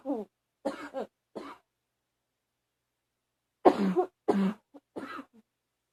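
Two clusters of short coughs, three in the first and four in the second, separated by silence: a dry-sounding cough.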